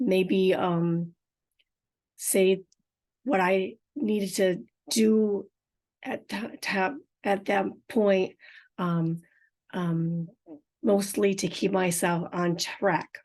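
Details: Adult woman with aphasia and apraxia of speech after a stroke 4.5 years earlier, unedited podcast speech, some words hard to understand; aphasia with apraxia of speech.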